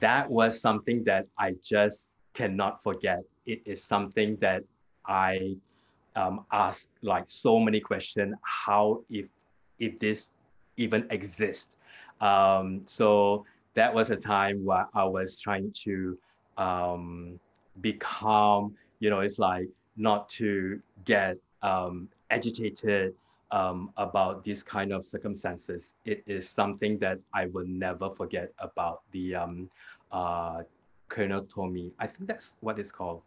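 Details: Adult man with aphasia after a hemorrhagic stroke 2 years earlier; severe at onset, unable to talk in the first week, improved with hospital speech therapy; still has trouble completing sentences and gets stuck on basic words.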